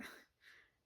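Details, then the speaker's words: A sleeping dog, described as dreaming, snores with two soft, snorting, airy breath noises, a stronger one followed by a fainter one. "I do. You hear the dog snoring?"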